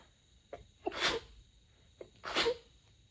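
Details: In the middle of the night, during a very long fit of 32 sneezes covered with a light blanket: two muffled, stifled sneezes, each a quick inward gasp then a short hissing burst; suppressed sneezing.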